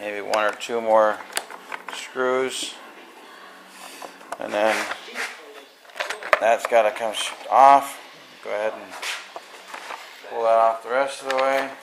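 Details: Adult man speaking; typical adult speech.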